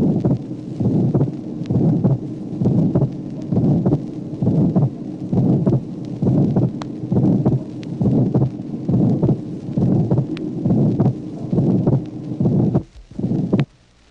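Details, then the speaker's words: Heart sound recording from a 1966 auscultation teaching record, tracing 3: variable, wider splitting of S2 with the pulmonic component last, plus a systolic ejection murmur; regular rate near 67 a minute; wide S2 splitting with systolic ejection murmur. "Tracé numéro 3. Dédoublement plus large du deuxième bruit, l'élément pulmonaire étant toujours le dernier. Il existe en plus un souffle systolique."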